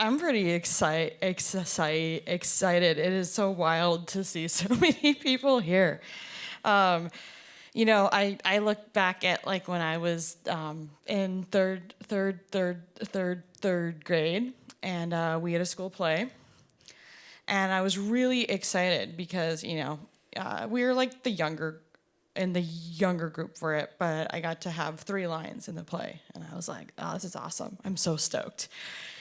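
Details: Person who stutters, with repetitions and prolongations; stuttering.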